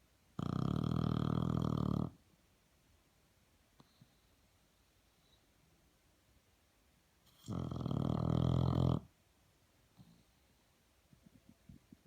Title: Filmed English Bulldog she had no idea, loud snoring on My Virtual Bulldog channel